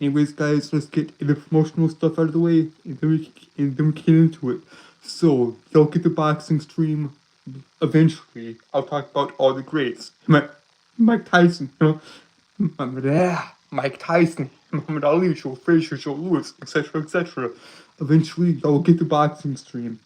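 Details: Stuttering in a male streamer with a self-reported speech impediment that makes him stutter and trip over his words.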